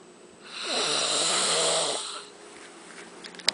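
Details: A single loud, harsh snore with a buzzing, whistling edge, about two seconds long, in a quiet room; snoring during sleep.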